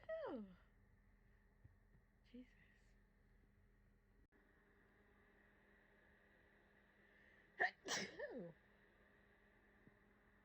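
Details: Adult sick with COVID, flu-like illness, gives two sharp, forceful sneezes separated by quiet room noise, the second a quick double burst; sneezing.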